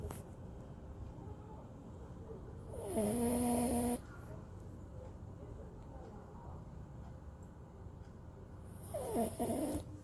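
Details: Maltipoo dog asleep: two nasal snoring sounds on the breath a few seconds apart over steady room noise; snoring.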